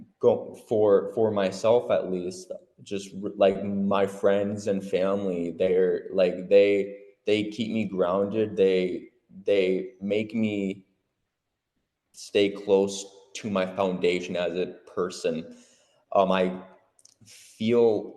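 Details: Adult who stutters (real, not acted), speaking at a support meeting on covert stuttering; stuttering.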